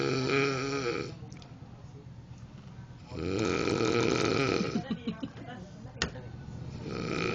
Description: Ternyata Tidur sambil mengorok memang menyenangkan hahaha